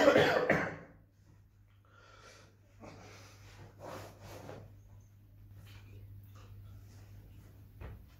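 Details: Acted adult cough during the coronavirus season: one loud cough burst at the start, then quiet breathy sounds in a small room.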